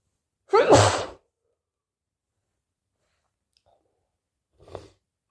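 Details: One loud, explosive sneeze, then silence and a soft breath or sniff, in late August; owner unsure whether allergies or a cold: sneeze.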